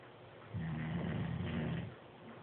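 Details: Nate snoring: a single low, rumbling snore lasting over a second, with quiet breathing before and after.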